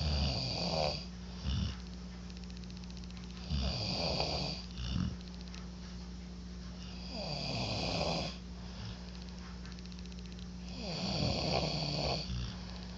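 Alternating rough snores from two sleepers, about four cycles in 13 seconds over a steady background hum; snoring.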